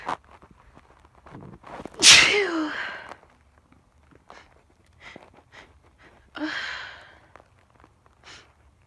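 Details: Female sneezing, from a compilation: one loud, sharp sneeze followed by a smaller second sneeze, with soft breaths and faint noises between; ordinary sneezing.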